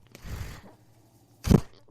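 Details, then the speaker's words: Speaker's own mechanical ventilator, heard while they talk during recovery from pneumonia last month: a soft low rushing puff, a pause, then a sharper burst of airflow as it delivers and releases a breath. "hello everyone my name is that noise you're hearing is my ventilator welcome to only what you take with"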